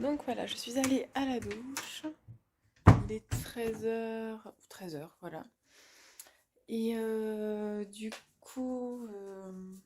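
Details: Woman, a student and mother, with stuttering and speech blocks that she says worsen with background noise; she calls it a brain dysfunction that will probably always be there and is considering a speech therapist assessment.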